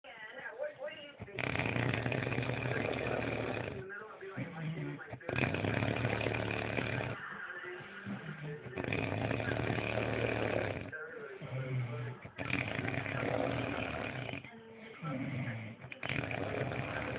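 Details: Loud, harsh, rattling snores on each in-breath, about four in fifteen seconds, with rougher breathing out between them; an adult man (a father) snoring.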